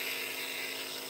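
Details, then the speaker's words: Steady high-pitched whirring hiss of a nebulizer compressor delivering medicated mist to a 50-year-old with childhood asthma, double pneumonia and MRSA, used every 4 hours. "This is childhood asthma. I'm 50 years old, and now I'm on a nebulizer."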